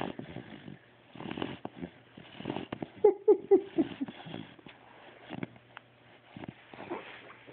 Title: Snoring